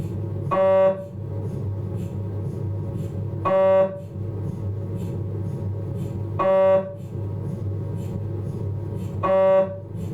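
Loud, steady mechanical hum with a tonal burst roughly every three seconds, about 20 per minute; normal MRI scanner sequence noise.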